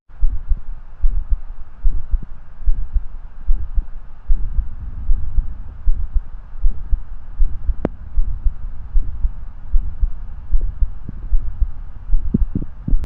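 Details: Stethoscope over the carotid artery beside the thyroid cartilage, listening for bruits: soft, regular low thumps at about 75 a minute with no whooshing bruit; normal carotid auscultation.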